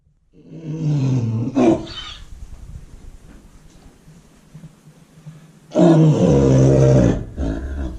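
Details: Horse coughing in his stall, a bad cough that worried the owner and later cleared after an allergy remedy: loud, deep, harsh, rasping coughs in bouts with quieter gaps; persistent horse cough.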